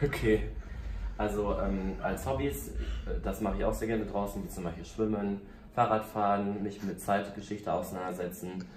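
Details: Vocal tics (Tourette syndrome) in a man with Tourette syndrome.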